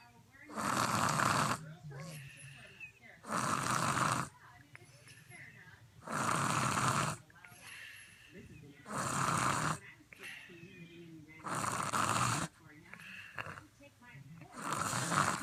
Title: 27lb baby snores like a 300lb man 🥸🤭🤣 #baby #funny #snoring